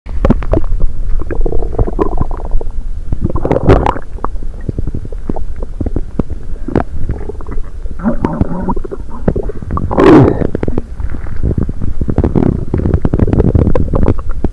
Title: Rumbly in my tummy!!